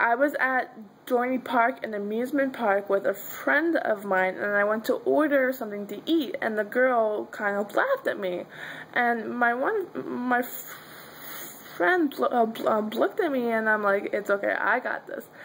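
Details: Adult woman who stutters, with her stutter at times severe; stuttering.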